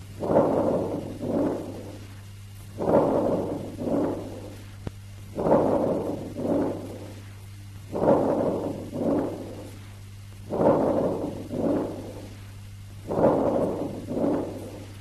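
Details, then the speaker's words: Harsh vesicular breath sounds, played after normal breath sounds for comparison: loud, rough vesicular breathing at about 24 breaths a minute. "When harsh, they may be termed as harsh vesicular breath sounds. Now listen to normal breath sounds. And harsh vesicular breath sounds."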